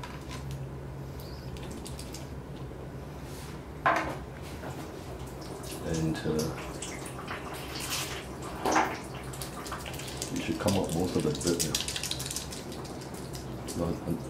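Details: Vigorous ear irrigation of a dog with deep black ear wax and discharge, otitis externa; splashing and gushing water in a small room as the ear canal is flushed to wash out debris.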